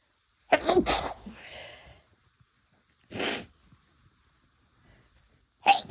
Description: my first time using chhinkni and i was nervous it wouldn’t work on me but it definitely worked a little too well lol